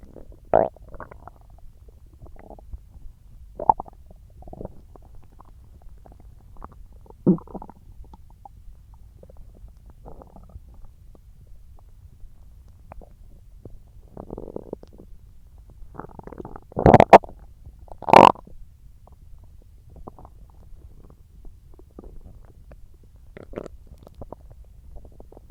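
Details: Stomach growling after eating watermelon: scattered gurgles and squelches with two louder bursts over a quiet background; bowel sounds (borborygmi).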